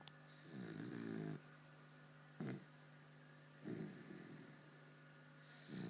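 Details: Person sleeping soundly: rhythmic rattling snores on inhalation, with a steady low hum in the background; snoring.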